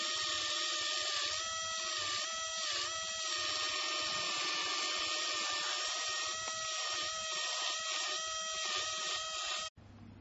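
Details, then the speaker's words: High-speed dental drill with a straight fissure bur: continuous whine dipping under load, then stopping, while shaping lingual, axial and facial walls of a conservative class II slot cavity, distal tooth 25. "Now you can see the straight fissure preparing the lingual wall and now the axial and facial wall."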